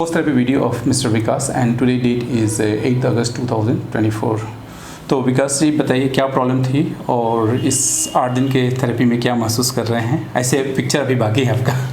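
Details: Adult male speaker; Conversational speech.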